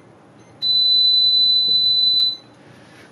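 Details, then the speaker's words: Syringe pump with occlusion deliberately created and fast-forward (purge) pressed in a training demonstration: steady high-pitched tone under two seconds. Finding: syringe pump occlusion alarm. "実際に見てみます閉塞増状態を作り早送りします"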